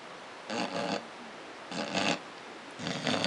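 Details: 7-year-old beagle snoring and twitching in sleep: three rough, rasping breaths repeating about once a second; snoring.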